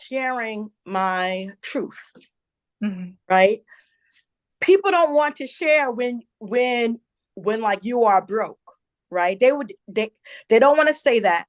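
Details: Adult woman, a self-identified stutterer who stuttered a lot as a child and also reports a traumatic brain injury from a 2012 accident; real stuttering with word and part-word repetitions.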